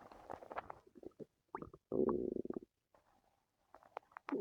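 Gurgling, rumbling bursts with short bubbling clicks and pauses: stomach and bowel growling from gas and fluid moving through the gut.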